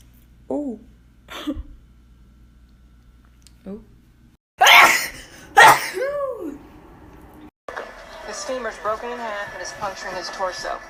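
Short gasps build to two loud, explosive sneezes, followed by voices: a pair of sneezes.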